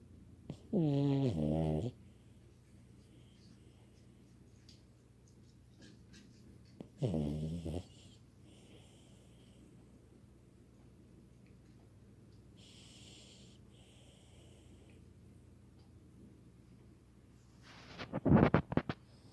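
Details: Snoring during sleep: two loud, rattling snore bursts about five seconds apart, then a noisy snort near the end, in a quiet room.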